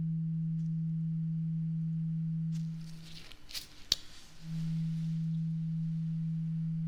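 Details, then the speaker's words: Struck tuning fork giving a steady pure ringing tone, briefly interrupted by handling noise, in an acted ASMR ear-exam role-play hearing test, before ear cleaning; tuning fork hearing test. "So what we're going to start with first is a tuning fork. Okay, so I am just going to hit it and then you tell me when the sound stops, okay?"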